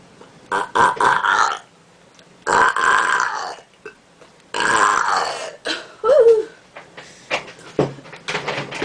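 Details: Deliberate voluntary burping, apparently burping letters of the alphabet, done without having drunk soda: a run of loud, drawn-out burps, several in a row with short pauses.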